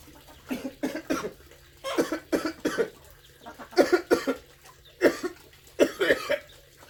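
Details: Sick adult man with fever and headache, still coughing a lot while his partner considers the hospital: repeated bouts of two to three short, harsh coughs, about a dozen in total, with quiet pauses; persistent cough.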